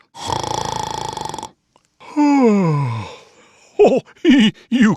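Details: Simulated snoring from a Snoring Santa Christmas tree ornament toy: long buzzing inhaled snore, falling groaning exhale and short sleepy mumbles; staged, exaggerated snore, not a real person.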